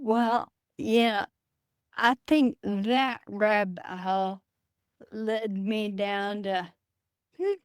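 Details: Adult woman with Friedreich's ataxia, a rare progressive neurodegenerative disease diagnosed at age 23, which she says affects her speech and can cause swallowing difficulty; wheelchair user; ataxic dysarthria.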